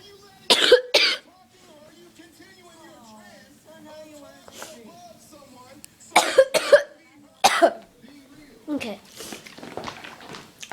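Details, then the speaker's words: Bursts of harsh, forceful coughs in clusters with brief groaning and voice between them; a person who can't stop coughing; a hard coughing fit. "well I can't stop coughing some water"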